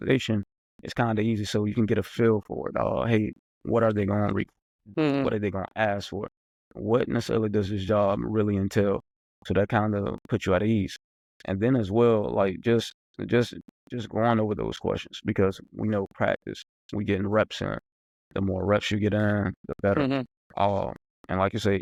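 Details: Adult who stutters, speaking as a podcast co-host in a real conversation, mentions getting stuck while speaking; stuttering.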